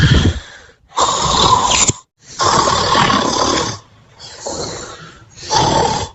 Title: 💤🩷🎀Cilinda Takes A Doze , And Snores In Her Pink Hearty Bed 💤🩷🎀